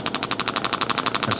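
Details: Intelect RPW 2 radial shockwave therapy handpiece during treatment of sensitive tissue, intensity raised slightly: rapid, even mechanical tapping about twelve pulses a second from a magnet striking metal inside the device, not tapping on the skin.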